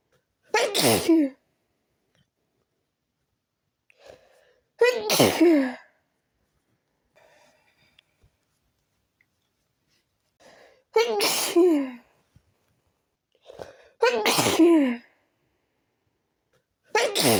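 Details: A habitual random sneeze attack that continued even after changing rooms: five forceful sneezes in about 17 seconds, each preceded by a short, sharp inward breath; a sneezing fit.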